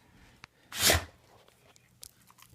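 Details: Dog sneezing: a single sharp, hissing burst of air with quiet room noise around it.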